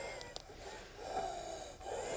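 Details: 55-year-old man with sudden-onset difficulty breathing, chest and upper back pain, and a long-standing cough, given prednisolone 2 weeks ago, taking deep breaths during paramedic chest auscultation: continuous high-pitched whistling over a noisy background; wheeze.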